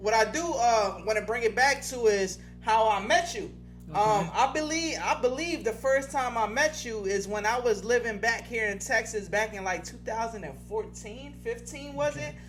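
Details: Adult speaker in conversation; Ordinary speech.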